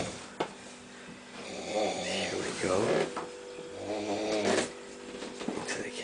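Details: A sleeping man snoring, recorded by a friend he was staying with: loud rattling snores on each breath in, two long snores within six seconds, with room noise.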